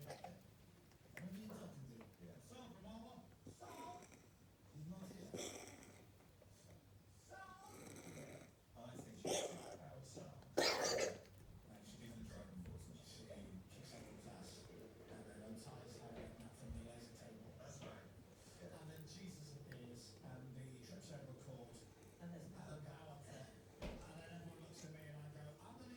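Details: Dog coughing, recorded for the vet: a couple of harsh, forceful coughing bursts amid softer snorting and throaty noises; cough.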